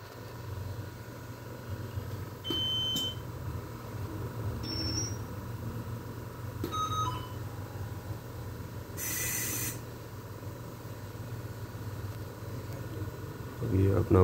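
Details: Refurbished Drager Babylog 8000 plus infant ventilator with HFO gives a few short electronic beeps over a steady machine hum, asking for calibration: ventilator alarm beeping.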